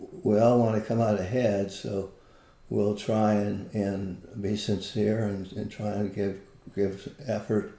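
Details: Adult with Parkinson's disease, a neurodegenerative disease, for more than 20 years, with visible shakes; Parkinsonian speech (hypokinetic dysarthria).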